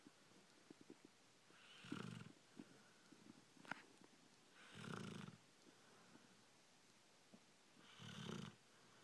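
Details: Boxer dog asleep, snoring: three rattling snores at about 19 per minute, with soft clicks and snuffles between them; ordinary snoring.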